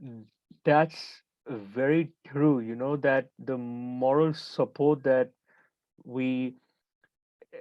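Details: Stuttering in a 28-year-old man who identifies as a person who stammers.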